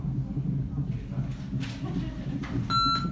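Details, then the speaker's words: Third-trimester pregnancy, high-risk after bleeding, 24-hour hospital fetal heart and contraction monitoring: short electronic beep over low room noise as the mother presses the event-marker button when the baby moves. "Every time baby moves, I have to press this button, and this is beep coming."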